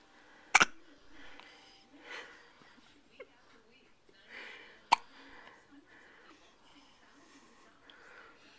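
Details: Baby's first hiccups, just before feeding.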